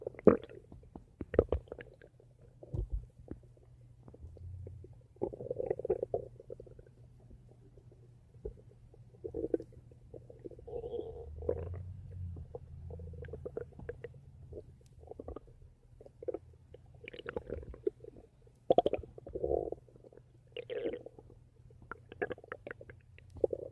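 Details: Ordinary bowel sounds (borborygmi) from the stomach: gurgling, bubbling rumbles in irregular bursts from gas and fluid moving through the gut.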